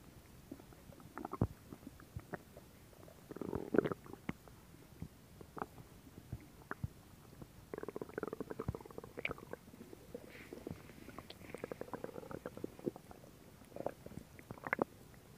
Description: Stomach Sound [Stomach Growling][ASMR]